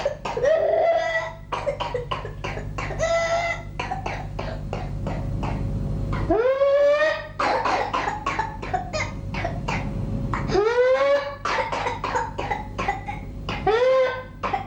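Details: Whooping cough: bursts of rapid, closely packed coughs, each ending in a long, high-pitched, rising whoop.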